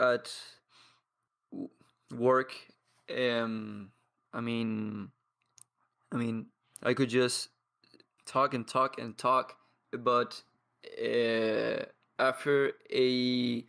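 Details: Stuttering in a 22-year-old man who has stuttered as long as he can remember, has blocks, and practises daily with a community of people who stutter.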